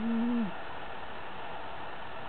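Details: Black cat snoring while asleep on the owner's bed: a single brief, low, smooth hooting tone over steady background hiss, one tonal snore.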